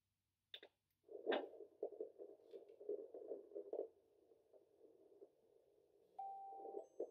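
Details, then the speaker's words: Normal fetal heartbeat at 24 weeks of pregnancy on a home Doppler, fast regular whooshing pulses measured at about 145 to 150 beats a minute, found lower on the abdomen; home Doppler accuracy uncertain. "now his baby's heartbeat at 24 weeks it is currently measuring 145 to 150 I'm not a hundred percent sure if my Doppler is correct"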